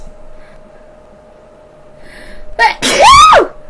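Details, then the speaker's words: A girl sneezes while vlogging in a quiet room with a steady hum: a short intake, then one loud, high-pitched, squeaky, chipmunk-like sneeze. "sorry sorry if that blew out your speakers yes I know I I laugh and I sneeze like a chipmunk but hey what can I say"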